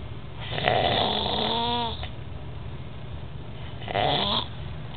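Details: Two loud, rattling, vibrating snoring inhalations about 3.5 seconds apart, the first ending in a rising whine; snoring.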